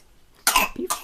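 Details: Infant with a first cold, in a crib with another baby: a short, moist cough in two quick bursts; cough.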